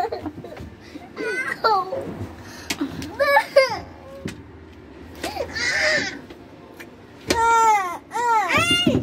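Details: Rising and falling wailing cries from a young girl between sobbing breaths, with other voices nearby, after her little sister refused to let her sit next to her; ordinary upset child crying.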